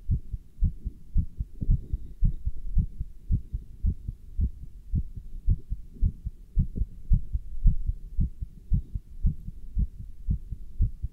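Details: Person wearing a stethoscope with a chest band while standing still and lifting dumbbells: regular heartbeat at about 110 beats a minute, normal rhythm with rate raised by exertion; normal heart sounds.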